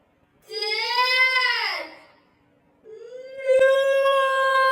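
Two drawn-out infant wails separated by a brief pause for breath; a typical baby cry.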